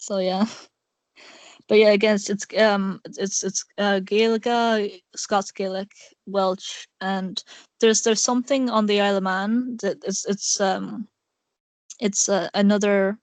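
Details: Male speaker with a self-described awful stutter; stuttering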